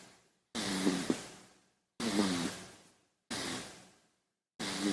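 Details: Baby snoring, presented as a sound effect.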